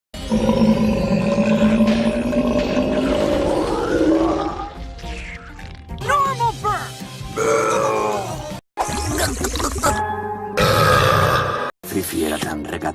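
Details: Cartoon burp compilation of female characters: long, loud belches from cartoon characters, cut together with music and sound effects; burping.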